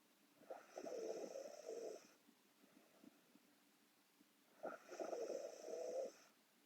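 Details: Sleeping Korean girl snoring: two rattling snores on inhalation, about four seconds apart, with quiet breathing between.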